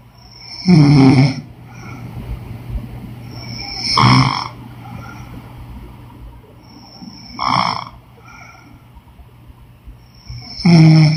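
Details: Woman snoring in sleep: four deep, rattling snores over room hum, roughly 18 a minute, slightly uneven in spacing.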